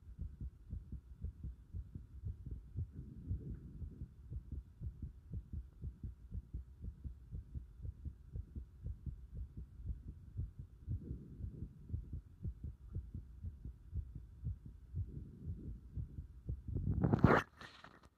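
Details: Heart sounds recorded with visible pulsation at the pit of the stomach (epigastrium): steady low thumping heartbeat at roughly 80 beats a minute, with a loud rustle at the end.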